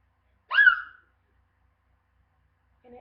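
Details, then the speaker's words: Real, persistent ongoing hiccups in a person who says they hurt: one loud, sharp, squeaky hiccup with rising then falling pitch, then quiet. "The worst hiccups ever. And they hurt. They hurt my ears."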